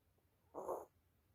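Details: A single short, soft rasping breath from a sleeping cat: snoring.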